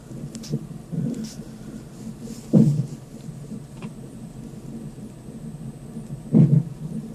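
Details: Fetal hiccups heard on a fetal monitor: two sharp, isolated low thumps about four seconds apart over a steady whooshing background.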